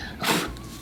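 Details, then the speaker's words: Preschool child (Nora) blowing hard on the doctor's finger: single harsh outward blow with a rough rattly edge; lungs clear but rattle heard up in the throat, upper airway rattle in croup. "so you're absolutely right his lungs sound nice and clear but you can just hear the rattle up in his throat"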